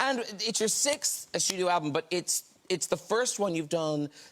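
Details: Adult male speaker; Normal voice.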